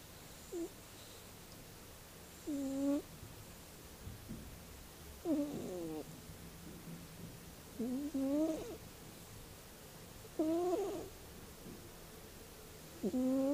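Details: Sleeping cat snoring: soft, squeaky, wavering snores roughly every two to three seconds over a faint hiss.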